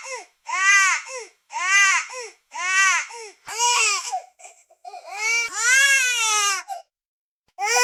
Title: Newborn Baby Scream Sound Effect